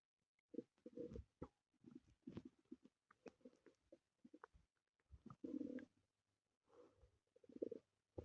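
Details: Recording of the recorder's own stomach growling (borborygmi), audio only: soft, irregular low gurgles and rumbles with brief pauses, in a quiet room.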